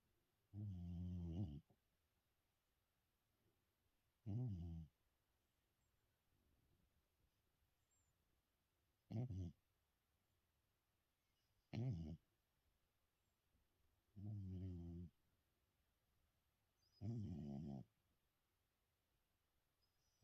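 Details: Lifelong snorer whose snoring is getting louder with age: low, buzzing snores about every three seconds, roughly six in twenty seconds, quiet between.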